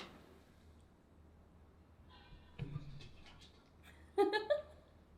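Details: Quiet room, a soft catch of breath, then a loud voiced burst with a short trailing tail: a single spraying sneeze from an adult woman, recorded with permission.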